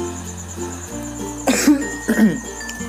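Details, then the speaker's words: Adult man with a hoarse voice coughing while narrating a bus simulator game: two short, harsh cough bursts over quiet background music and game sounds. "mohon maaf ya Ini suara saya agak serak jadi agak sedikit batuk-batuk gitu teman-teman"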